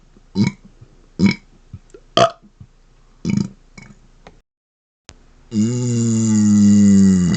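Several short closed-mouth burps, then one long, loud, open-mouthed belch; ordinary belching.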